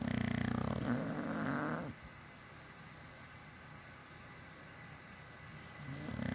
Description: Red Nose Pitbull Snoring Away!🤣🤣🤣🤣